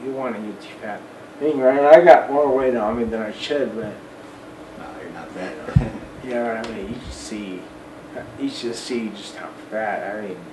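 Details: Adult man almost 40 with Friedreich's ataxia, a recessively inherited, progressive, degenerative neuromuscular disorder with childhood onset; uses a wheelchair; ataxic dysarthria.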